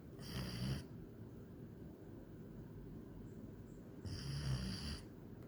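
Two low, rumbling snores about four seconds apart, quiet breathing between. Ordinary snoring in a sleeping dog.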